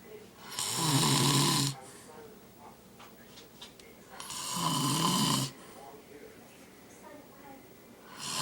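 Loud, harsh, rattling snores on each breath in, about 16 a minute, with quiet pauses between; heavy snoring.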